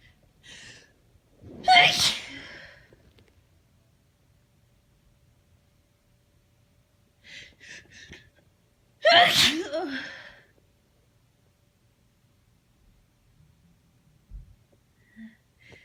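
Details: Tired allergy sneezing despite antihistamines, worst allergies in a long time: two loud, forceful sneezes, each preceded by a catching inward breath.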